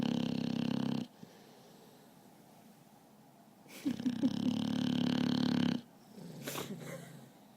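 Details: Adult dog snoring while asleep: two loud rasping snoring breaths separated by quiet pauses, with a softer snuffle at the end.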